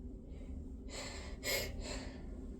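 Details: Hitchy sneezing: catching inhaled hitches followed by a sharp sneeze burst and a softer second burst.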